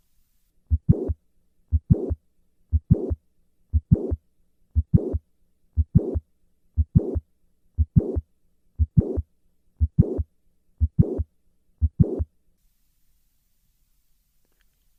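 Regular heartbeat at about 59 per minute, each beat with a sharp click in mid-systole followed by a short murmur before the second sound, fitting mitral valve prolapse.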